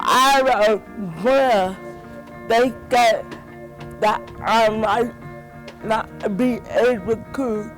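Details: Dysarthria in a 31-year-old woman with cerebral palsy since birth, a motor impairment from brain damage before, during or just after birth.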